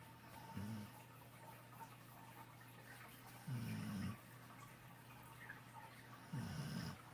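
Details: Three soft, low, fluttering snores at irregular intervals over quiet room noise, during a nap with face in the sun; snoring.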